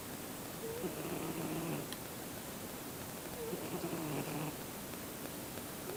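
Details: Soft, low snores, two breaths heard over a steady background hiss, from a sleeping male Siamese cat.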